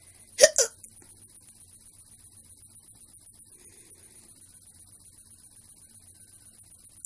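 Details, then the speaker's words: Hiccups in a young person after eating too much macaroni, described as painful and frequent: a single sharp hiccup with a quick follow-on catch, then near silence with faint room hum. "A little bit because I ate too much macaroni and it gave me the hiccups. It does that all the time."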